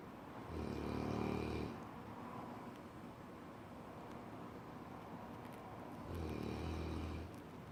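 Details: Cane Corso dog snoring very loudly, two deep, rumbling snores several seconds apart against steady background noise while sleeping.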